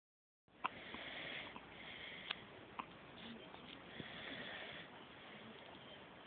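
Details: Infant hiccups: several brief, sharp catches over a steady hiss at irregular intervals, a common harmless event in babies.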